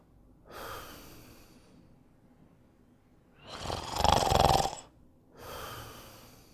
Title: Burp Sleeping and Snoring in 1 Minute and 37 seconds